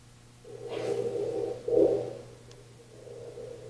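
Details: Two low, rumbling snores over steady room hum, recorded overnight by microphone during a sleep study; snoring.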